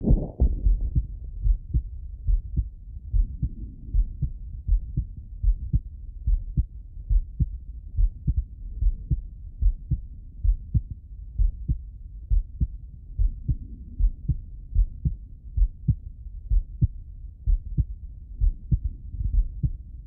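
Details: Adult male heartbeat auscultated with a stethoscope bell: steady low thumping normal heart sounds, regular rhythm about 72 beats a minute.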